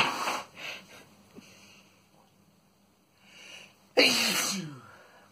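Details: Boyfriend's sneezing fit: several sneezes in a row, softer bursts early, then a loud, forceful sneeze with a voiced tail near the end.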